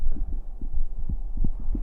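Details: Normal heart sounds of a young man streamer, soft regular low thumps with muffled hum, heart sounds for listeners falling asleep.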